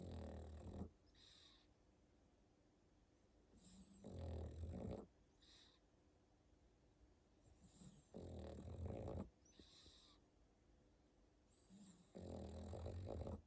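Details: Pug sleeping in a winter sweater, snoring slowly at about fifteen breaths a minute, with low snorting rattles and whistly, wheezy bits between; typical flat-faced dog snoring.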